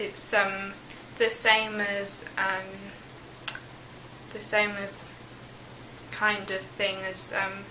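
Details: Broca's (expressive) aphasia with word-finding difficulty in a young woman, 16 months after a stroke, partly recovered with speech therapy; insight preserved.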